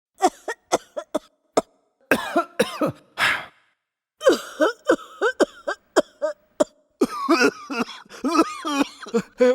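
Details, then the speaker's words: Acted bouts of repeated harsh coughing with strained breaths between, simulating asthma cough; symptoms named as cough, breathlessness, chest heaviness. "इस बीमारी के लक्षण हैं खांसी सांस लेने में तकलीफ छाती में भारीप"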